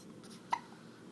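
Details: A single brief, sharp hiccup-like click from a dog with recurring hiccups, against quiet room noise, while a companion tries to help; hiccups.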